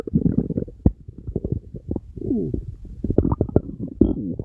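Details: Continuous low gurgling and squeaky rumbles with bubbly pops from an animal's belly; ordinary stomach rumbling (borborygmi).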